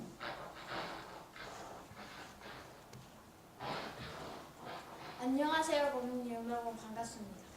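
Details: Cochlear implant simulation with very few electrode channels, showing what a new implant user hears: hissy, pitchless bursts of the greeting "annyeonghaseyo," followed by a clear natural voice saying the greeting.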